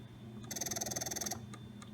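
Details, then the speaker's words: Spectra S2 electric breast pump just switched on with the power button, before the suction level is chosen: rapid rhythmic mechanical pulsing with a high whine for under a second; the pump motor running. "so on the Spectra you'll just press the power button here and now it's on and then you can choose your suction level over on this side with the plus and"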